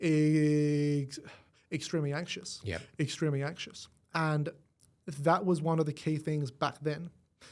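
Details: Adult male with stuttering as a symptom of cerebral palsy, present from birth and affecting his left side; stutter onset around age five, gone for about a year, then returned worse; treated with the McGuire Programme.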